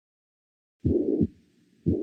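Two heart cycles, about 57 a minute, each with a harsh, even murmur filling the gap between the first and second sounds: a systolic regurgitant murmur of tricuspid regurgitation.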